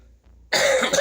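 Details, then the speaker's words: Adult with a bad cold and lingering cough, hoarse voice: after a quiet moment, one harsh, loud cough burst: a single cough. "Excuse me, this cough is kicking my ass."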